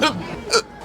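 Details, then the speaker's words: A single sharp, voiced hiccup from an adult having a bad, prolonged episode of hiccups through the day, with light background noise. "God I still have the hiccups I'm so sorry people I'll try to edit the hiccups out"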